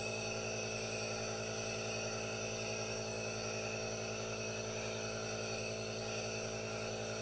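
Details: Aerosol nebulizer running for a no-talking ASMR relaxation recording with hand movements: steady mechanical hum and hiss, with no talking.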